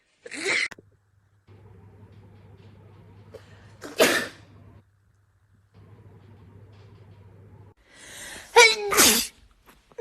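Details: Allergy-related repeated sneezing in a young Chinese woman: several forceful, wet-sounding sneezes, each preceded by a sharp intake, separated by quiet room hum.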